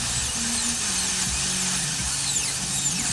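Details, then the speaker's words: Continuous high-pitched whine of a high-speed dental drill drilling old cement out of the inside of a crown on tooth #8 before extraction, with faint background music. "and if anybody who's a dentist knows what it is to drill out old cement from an inside of a crown we all know what that smells like none of it is nice enjoyable"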